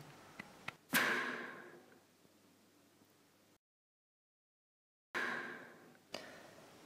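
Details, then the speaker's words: Mechanical ventilator breathing for a 54-year-old man with ALS, diagnosed 1998, tracheostomy 2002, ventilator user for 14 years: two whooshing machine-driven breaths with a soft click, separated by a pause. "This is the sound of a person breathing, the foundation of our existence. Only in this case, it's a machine breathing."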